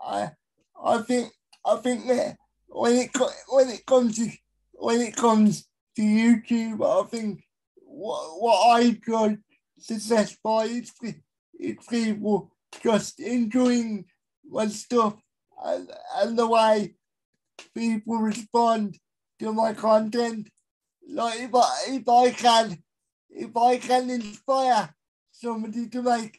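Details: Adult male with a severe type of cerebral palsy; dysarthria due to cerebral palsy.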